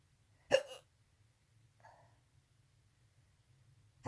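A single sharp hiccup with a faint follow-up sound, then another starting at the end, against low hum; hiccups.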